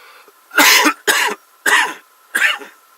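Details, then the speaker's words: Four quick, harsh throat-clearing bursts in a row, a repetitive vocal tic in an adult with Tourette syndrome, who also describes mouth tics like clicking teeth and flicking tongue. "my tourette's my tics the mouth the way i talk like click my teeth or flick my tongue it kind of gets uh it's it's kind of bad it's a little annoying"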